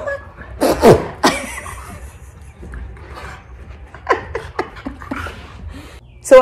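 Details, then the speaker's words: Play sneezing in a recently adopted former shelter dog during rough play with another dog: several sharp, explosive snorting sneezes with scuffling. The behaviour is new and apparently learned from the playmate, who also sneezes when playing. "The sneezing. Do y'all hear the sneezing? This is also something new. Maxie sneezes when he plays, and Pollux never did that."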